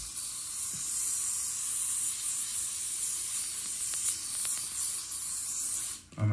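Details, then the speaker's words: Topical numbing spray applied before bed by an adult with fused C4–C7 cervical vertebrae pinching nerve roots, awaiting left cervical blocks; steady aerosol hiss about six seconds. "i'm gonna take this stuff and i spray"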